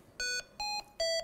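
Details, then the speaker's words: HAMILTON-T1 ventilator high-priority alarm demonstration: red lamp with a repeating series of five loud, high electronic beeps at changing pitches. "eliminate the red lamp and gives a series of five beeps repeated"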